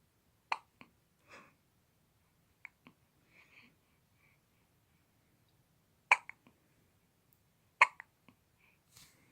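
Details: Infant hiccups: short sharp catches at irregular intervals, about 35 a minute, in a quiet room.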